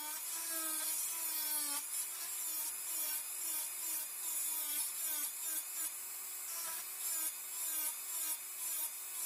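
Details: Dental high-speed handpiece on a typodont mandibular first molar (#36), full veneer crown preparation, mesiolingual cusp slope reduction: steady high-pitched whine dipping as the bur cuts.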